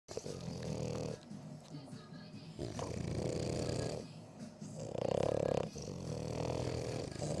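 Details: Sleeping French Bulldog, a short-nosed dog, snoring with repeated rough, throaty breaths about every two seconds.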